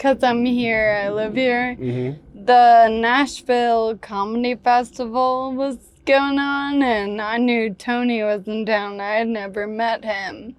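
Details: Ataxic dysarthria in a woman of about 28 with Friedreich's ataxia, a rare progressive genetic disease diagnosed 10 years earlier. Speech and walking problems were noticed around age 15.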